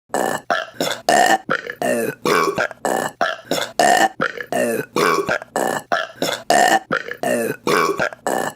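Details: Rapid run of about twenty loud, voiced belches one after another from women: repeated burping.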